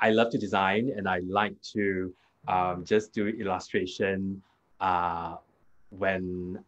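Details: Adult man with aphasia after a hemorrhagic stroke 2 years ago; it was initially severe, with no speech in the first week, and he still struggles to complete sentences and gets stuck on basic words; improved with speech therapy; aphasia.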